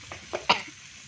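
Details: Two short dry coughs over faint room noise while cooking eggs with onions and chili, a reaction to the pungent cooking fumes.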